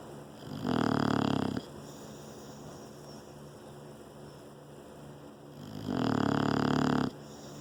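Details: An English bulldog asleep in its owner's lap gives two long, buzzing snores about five seconds apart over a steady background hum, about 12 breaths a minute. Snoring.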